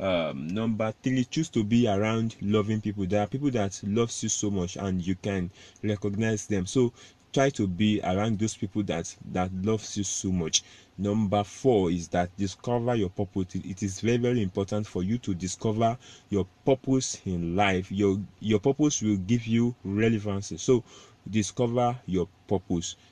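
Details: Adult self-described stammerer speaking in a motivational talk; stuttering.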